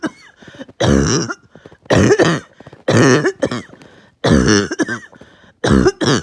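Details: Uncontrollable, really bad barking night cough: five loud harsh coughs in about six seconds with brief noisy breaths between, knocking the wind out of them.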